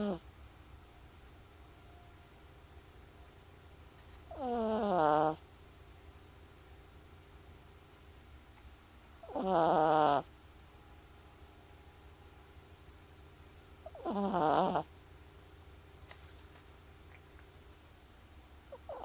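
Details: Three loud, rattly snores on the in-breath, about 12 breaths a minute, with quiet room noise between, from a sleeper; snoring.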